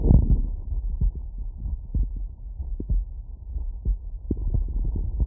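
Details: Normal heart sounds through a CS-417 phonendoscope plus electronic stethoscope: muffled, regular low thumps with some rubbing and handling noise.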